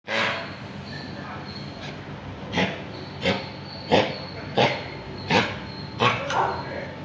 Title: kennel cough in dog with no vomit